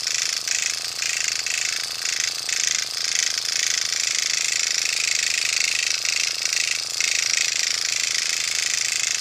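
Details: Fast buzzing rattle of an automated microneedling pen at high speed, 0.5 mm depth, used in small circles on the forehead of a 50-plus woman's bare cleansed skin, causing redness without pinpoint bleeding.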